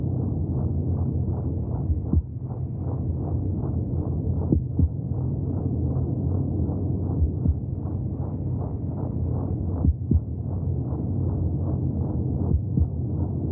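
Steady, rapid, muffled whooshing pulses under a constant low rumble, heard through the womb; heartbeat sounds.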